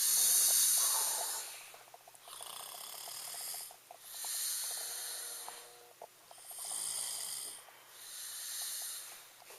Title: king of snore part I